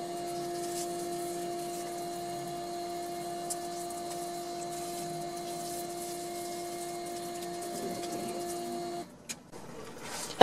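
Steady low hum with a constant whine, then it stops: a small dental milling machine running.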